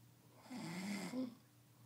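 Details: A single rough, vibrating inspiratory snore from a sleeping man, against quiet room noise.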